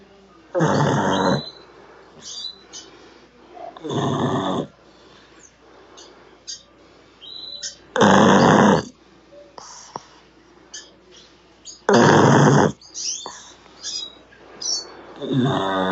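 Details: Loud, rough snores recurring about every four seconds, about 15 breaths a minute, with quieter snuffles between: ordinary snoring during sleep.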